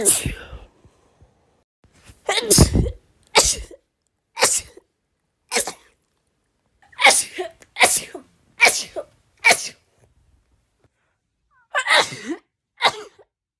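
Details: About a dozen rapid, sharp sneezes, several in quick runs with brief pauses between, from a person in a compilation of rapid sneezes; a bout of repeated sneezing.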